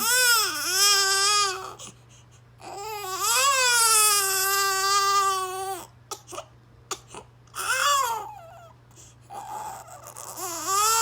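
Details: Baby with hiccups crying: repeated long, wailing cries separated by short gasping breaths, a distressed cry.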